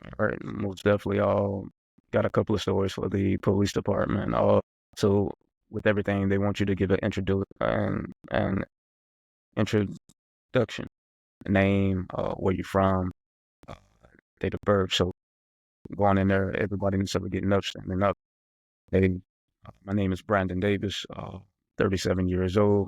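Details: Adult who stutters, speaking as a podcast co-host in a real conversation, mentions getting stuck while speaking; stuttering.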